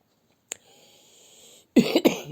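Two short, fairly light coughs from an adult woman after a brief click and faint room hiss; a mild cough with a viral cold.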